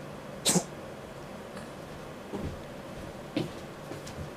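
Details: A few short, soft expulsive coughs from a cat that is feeling unwell, in a quiet room; coughing.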